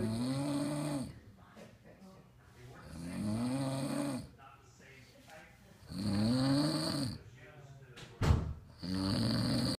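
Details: Snoring during sleep: loud, rough, buzzing snores with breathing pauses between, about three in ten seconds.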